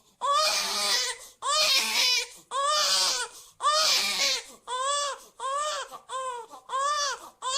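Eight rhythmic, high-pitched wailing cry bursts with short pauses between them. A baby's cry from a cartoon sound effect.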